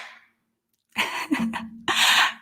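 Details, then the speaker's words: Adult man sneezing repeatedly in the background of a live show: sharp, explosive, voiced bursts, a sneeze or two in quick succession, in a small quiet room. "can hear my husband like sneezing in the background over and over do you guys hear that"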